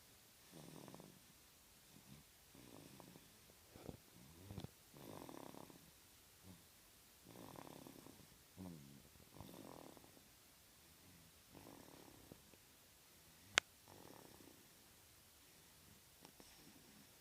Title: Snoring!!